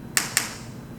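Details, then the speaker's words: Two sharp clicks a fraction of a second apart: paired-pulse transcranial magnetic stimulation, deliberately slowed for demonstration; the real interval between pulses is in milliseconds. "eu vou dar um exemplo aqui mas a latência Entre esses dois pulsos é muito menor do que isso que eu tô fazendo aqui na faixa dos milissegundos né mas é"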